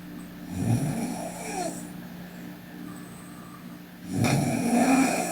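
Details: Sleeping Korean girl snoring lightly: two low, rattling breaths, soft snores, in a noisy room with a steady hum.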